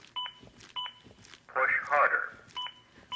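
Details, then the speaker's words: Zoll AED Plus demonstration with Real CPR Help: during chest compressions that are not deep enough, regular electronic beeps at about 100 a minute with a voice prompt between them. The adaptive CPR metronome paces compressions to at least 100 per minute. "the beeps act as an adaptive metronome that monitors my compressions and tries to speed them up to at least 100 per minute"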